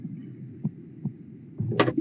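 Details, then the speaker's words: Harsh whooshing systolic murmur heard at the aortic focus, caused by ventricular ejection across the valve; aortic stenosis. "Sí, podría ser un soplo sistólico debido al momento de la inyección del ventrículo."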